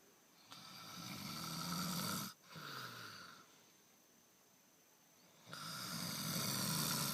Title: Snoring (proof)